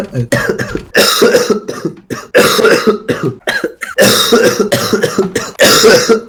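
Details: Man who coughed all evening says coughing feels so bad his eyes seem to bulge out; bouts of loud, harsh coughing in quick runs with brief gasps, about four bouts in six seconds.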